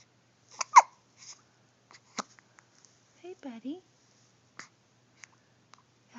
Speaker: Darn hiccups. Darn hiccups.